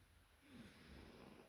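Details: Small dog asleep beside the speaker after a long walk, snoring.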